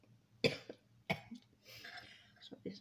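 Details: Two sharp, abrupt dry-sounding coughs in quick succession, then a softer breathy exhale, from an adult with a cough attributed to cold weather in Riyadh, Saudi Arabia, while preparing a lemon, salt and ginger drink.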